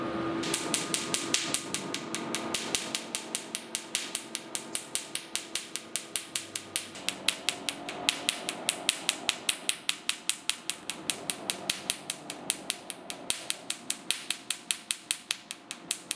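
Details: Q-switched Nd:YAG tattoo removal laser test-firing with a 1064 nm head at 500 mJ and 5 Hz: sharp, regular snapping clicks with faint machine hum behind; Nd:YAG laser firing demonstration.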